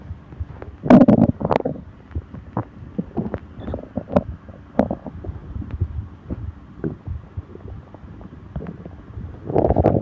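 Irregular low gurgles and rumbling bursts from the belly: stomach growling (borborygmi), ordinary gut movement.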